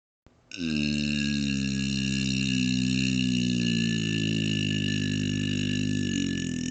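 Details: Deliberate burped vowel in a requested series of vowels burped for deepness, length and loudness: one long, steady, deep-pitched voiced belch held for several seconds.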